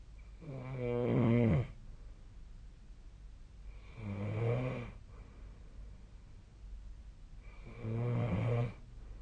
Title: 🐽 本日のイビキ / Snoring Sleep Sound 2025/01/18